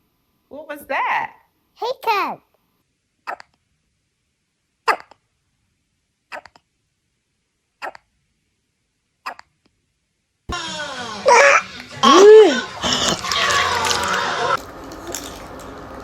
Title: Baby hiccups are so cute